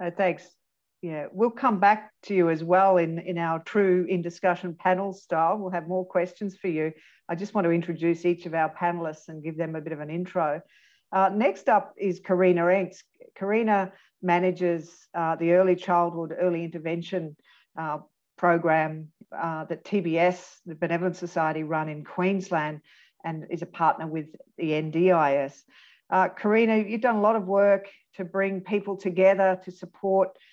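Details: Adult speaker; typical speech.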